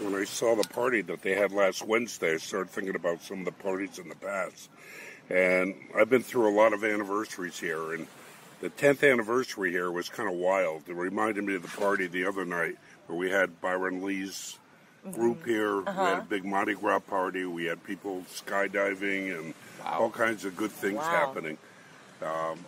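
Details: Adult male speaker; normal speech.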